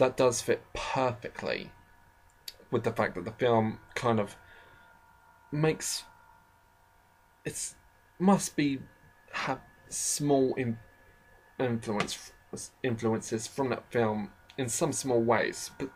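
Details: Speaker with a self-described slight stammering problem, shown as frequent stammers and pauses; stuttering.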